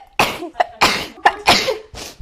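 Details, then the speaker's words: Girl sneezing, possibly from allergies or sinuses, who blames a cart for setting it off: several sharp, explosive sneezes in quick succession with short inhalations between, in a quiet room. "that cart just made me sneeze okay I swear it was the cart that made me sneeze"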